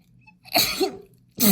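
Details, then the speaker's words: Woman sneezing after sniffing lavender bath essence that tickles her nose: a short, explosive sneeze with another starting, over a quiet hum. "Oh, I can feel it in my nose. Oh, I think I'm gonna sneeze, you know. I think I'm gonna sneeze."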